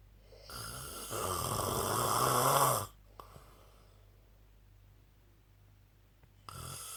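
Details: Sleeping man snoring heavily: a long, loud, harsh snore building over about two seconds, then a pause and the start of another.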